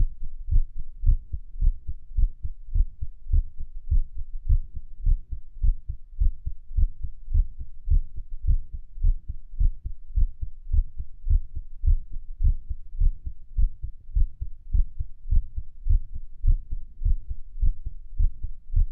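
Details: Heartbeat recorded at Erb's point while lying on the stomach: low, muffled thumps with a rhythm that is not fully even, fitting an irregular heartbeat.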